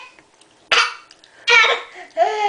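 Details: Young boy playfully fake coughing: two or three short, bright, deliberate coughs, a voluntary imitation, not illness.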